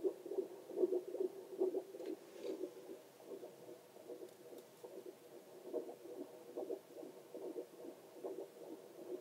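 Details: Steady whooshing heartbeat pulses at about 72 per minute over faint hiss, recorded with a Doppler probe for relaxation; normal heartbeat.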